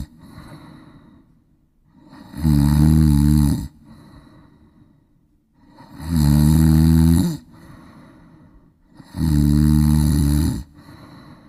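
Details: A big, fat cat snoring: three loud, low rumbling snores, each about a second long on the in-breath, with quieter breathing between, roughly 19 breaths a minute.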